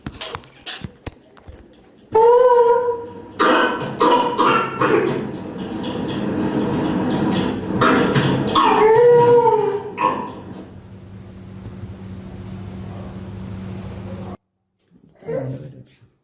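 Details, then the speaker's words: Paroxysmal whooping-type cough: rapid runs of forceful expiratory coughs with strained, high-pitched inspiratory whoops between; laboratory investigations reportedly normal. "but the cff is clearly woofing you know that that's why called woofing the expiration is cough and the inspiration inspiration expiration is inspiration and cuff after"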